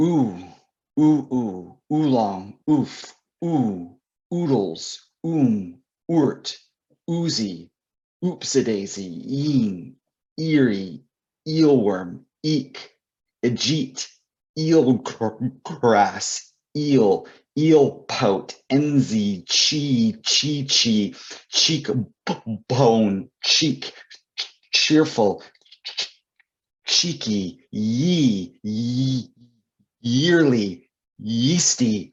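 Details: Adult male author and poet who describes himself as a person who stutters; stuttering.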